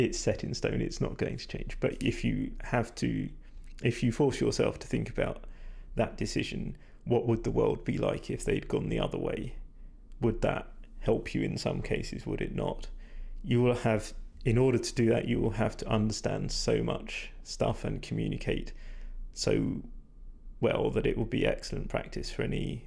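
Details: Vocal fatigue with a strained, creaky voice in a male speaker, which he attributes to talking a lot without drinking enough; he says his voice is degraded, stressed and not at its peak condition.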